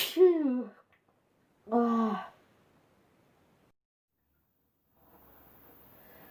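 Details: Sneezing compilation: two voiced 'achoo' sneezes about a second apart, then quiet with faint room noise.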